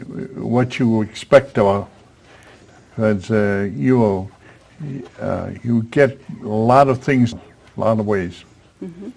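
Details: Man with aphasia acquired after a stroke at age 73, attending an aphasia conversation group; aphasia.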